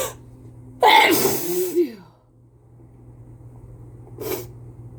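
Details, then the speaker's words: Person with a cold sneezing: a single forceful sneeze with a sharp inhaled build-up, then a brief exhale in a quiet room. "Oh, I can feel more coming. Phew. I just can't stop sneezing."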